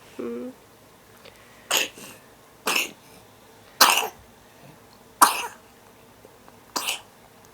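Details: Person who says they feel bad, coughing in a quiet room, then helped to sit up: a short voiced sound, then five harsh, forceful coughs spaced 1–1.5 seconds apart; bad repeated cough.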